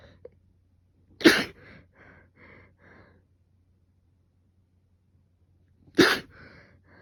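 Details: Person with fever now subsiding and a sore throat from heavy coughing and sneezing; part of the previous day's sneezing fit: two sharp, explosive sneezes about five seconds apart, each followed by short sniffing or snorting breaths.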